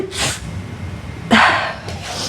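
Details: Sneeze acted in a Russian TV drama scene, character with a cold: two breathy, forceful bursts with a sharp snort between them.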